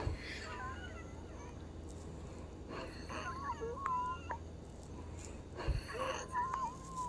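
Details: Wheezing in a female patient, previously on theophylline and then Brovana and Pulmicort nebulizer solutions without improvement: high, whistling, wavering tones during breathing from narrowed airways.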